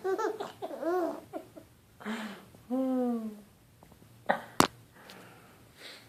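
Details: 6.5-month-old infant babbles and squeals, then gives two short, sharp, deliberate cough-like bursts when prompted: a playful voluntary fake cough.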